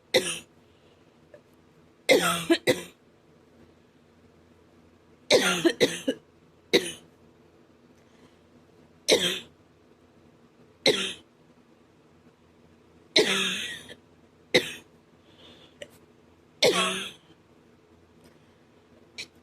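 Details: Repeated harsh coughs, single and in pairs, about ten in all, over a steady hum; a man reports the cough hurts his chest and throat; dry, hacking cough.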